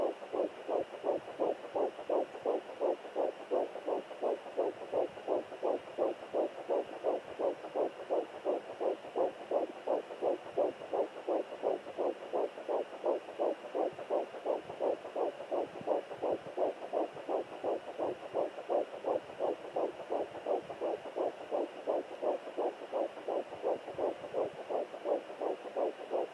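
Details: Fetal heartbeat on home Doppler at 9 weeks 2 days of pregnancy: rapid, regular galloping whooshes around 170 beats per minute, normal for early pregnancy.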